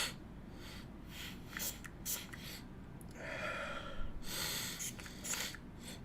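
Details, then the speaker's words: Spray bursts and sharp nasal sniffs, then a longer noisy inhalation through the nose: an adult using a nasal spray during a livestream to stop coughing so much. "have to do one of those nasal sprays I had to do that if not I feel like I wouldn't be able to get through this without coughing so much"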